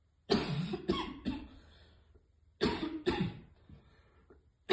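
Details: Two clusters of harsh, forceful, choking coughs, about five in all, from a girl after failing to inhale vape vapor properly.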